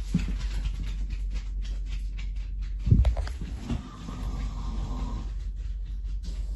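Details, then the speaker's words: Adult man snoring while asleep on a train, heard through a wall over steady train noise: muffled, low rumbling snores, loudest near the middle. "Let him snore as much as he wants. It sounds like he's sleeping here. I even thought for a second at first that we put things on him, because he snores so..."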